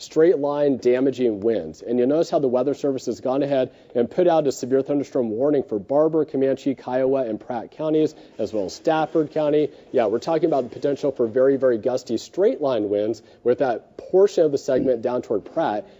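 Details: Adult male broadcaster; ordinary speech.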